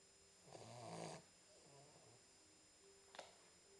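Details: 10-week-old Boxer puppy asleep: soft rumbling snore over steady room hum with a brief click near the end; low-volume recording; snoring.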